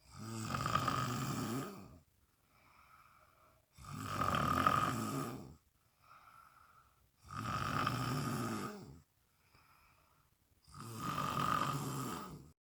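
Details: Loud, rough rattling snores on each inspiration, about 17 per minute, with soft expiration between: regular snoring.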